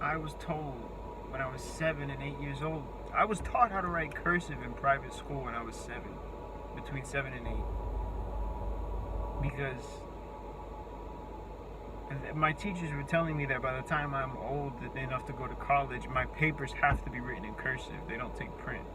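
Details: Adult with a self-reported speech impediment whose words break down completely in face-to-face talk, forcing breaks; many repeated words and restarts heard; disfluent speech (speech impediment).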